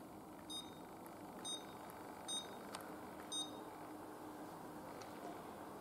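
Four short high-pitched electronic beeps over steady room noise, from button presses on a cordless dental endo motor.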